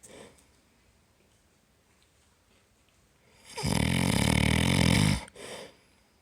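One long, loud, rattling snore on an in-breath, followed by a softer breath out; snoring.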